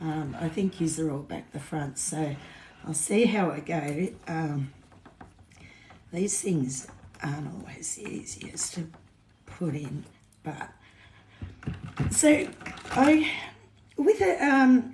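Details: Woman with essential tremor; voice tremor worse than her usual today, which she attributes to alcohol withdrawal shakes on top of her essential tremor after two days of drinking.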